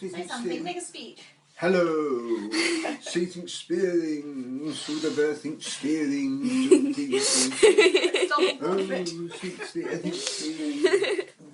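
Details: Non-fluent aphasia in a 55-year-old man four months after a devastating stroke, with right-sided weakness, in inpatient rehab; barely able to speak, no fluency, hunting for words; non-fluent aphasia.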